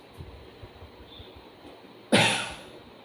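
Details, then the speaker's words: Assisted cough with costophrenic assist: after quiet breathing and quick downward-inward stretches, the patient holds breath and coughs once strongly while the therapist pushes upward and inward from the costophrenic angle toward the central tendon. "after inhalation ask the patient to hold the breath and then cuff during cuffing we have to push the poster from the angle towards the central tendon that is upwards and inwards"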